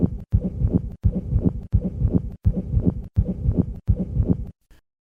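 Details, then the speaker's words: Two-component pericardial friction rub on auscultation: high-pitched, scratchy sounds with both systolic and diastolic components, added after normal beats, from inflamed visceral and parietal pericardium rubbing. "a scratchy sound should not be considered a friction rub unless both a systolic and diastolic component are heard listen once again to a two component friction"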